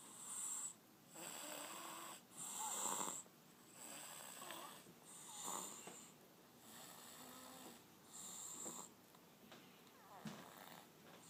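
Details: Sleeping baby girl snoring: soft, irregular, rattly snores with a whistling quality, about 23 breaths per minute.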